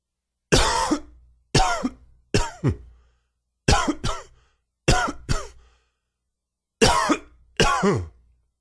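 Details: Very dry, wheezy cough attributed to allergies: about ten dry, harsh coughs in short clusters, each with a whistling, wheezy edge.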